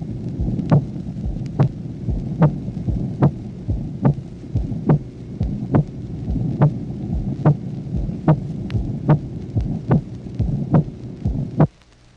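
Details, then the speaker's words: Patient with arterial hypertension, from a 1966 auscultation teaching record, tracing 1: regular heartbeat near 72 a minute with a sharp, drum-like (tambour) loud aortic second sound; loud aortic second heart sound. "Le premier exemple, correspondant au tracé numéro 1, est un éclat en tambour du deuxième bruit aortique rencontré chez un malade souffrant d'hypertension artérielle."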